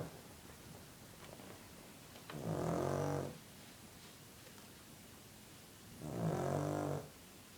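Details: Pet dog snoring while asleep: two slow, low, rattling snores about four seconds apart over quiet room noise, ordinary snoring.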